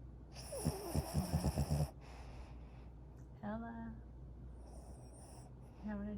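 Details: Rescued puppy (female) in deep sleep, dreaming: short snorting snore bursts and small whimpering dream noises.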